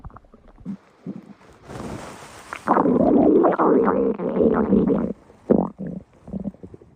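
Loud, prolonged gurgling rumble with bubbling bursts, then short gurgles; ordinary bowel sounds of stomach growling.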